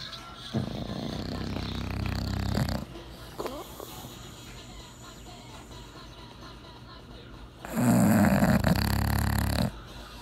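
Long, loud, rattling snores on breaths in, about five seconds apart, from a sleeping flat-faced dog; faint room noise behind.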